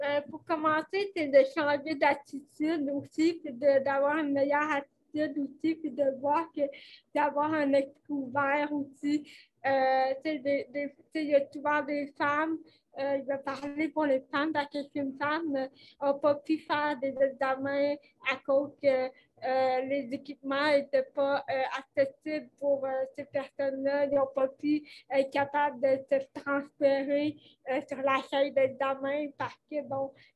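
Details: Dysarthria from cerebral palsy in a 29-year-old woman, caused by lack of oxygen at birth; she appears to mention speech difficulties; real conversational French speech.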